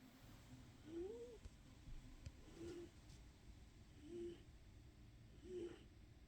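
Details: Sleeping, dreaming animal: soft, whistly snores recurring about every second and a half, roughly 40 a minute, against quiet room noise; snoring.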